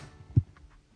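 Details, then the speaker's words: Adult health assessment, stethoscope moving from the aortic to the pulmonic area: a single low, dull heart thump, consistent with normal S1 and S2 heart sounds. "you're going to auscultate heart sounds starting at the aortic valve you're gonna listen for loved-up s1 and s2 this is the AV notes closing"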